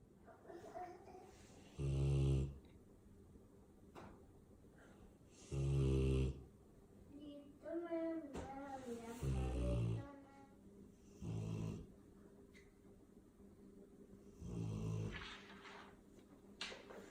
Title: French mastiff MAKO SNORING